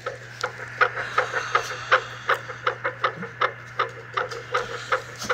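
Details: Fetal heartbeat recorded on Doppler, rapid regular whooshing pulses about 160 a minute, played back through a small speaker in a teddy bear; fetal heartbeat.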